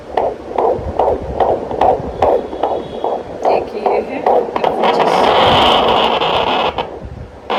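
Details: Twin pregnancy in the fifth month, fundal growth above the navel; Doppler on the abdomen picks up fetal heart sounds of two babies at two separate sites.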